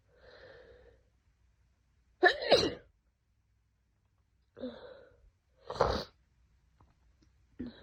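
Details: Two sharp sneezes, each preceded by a breathy in-breath, from an adult with a severe head cold for two days who cannot stop sneezing, nose feeling like it's on fire.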